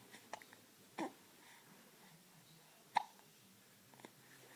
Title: More hiccups